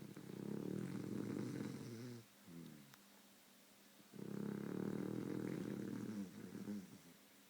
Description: My beagle snores and twitches in her sleep